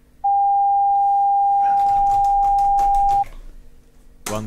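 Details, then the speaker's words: Steady pure tone about three seconds, then brief noise with faint tapping: hearing-test tone in a simulated ASMR ear-testing roleplay, frequencies stepped from 20 Hz upward; listener raises finger on hearing. "20 hertz 40 hertz okay 80 hertz next one is coming that's great 160 hertz"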